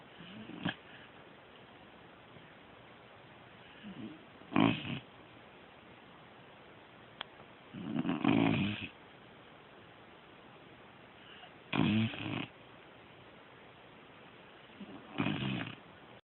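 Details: Snoring during sleep: rough, rattling snores with each breath in, about 17 a minute, over steady room hiss.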